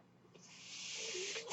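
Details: The podcaster's own mechanical ventilator, heard between her speech: a steady airy hiss swells over about a second, with a faint low tone near the end, as it delivers air.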